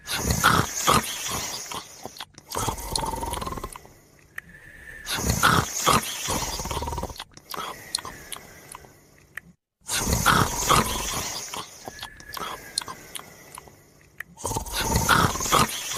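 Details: Sleeper and his dog sleeping together: loud, rough, repeated snoring with short quiet gaps, likely more than one sleeper snoring.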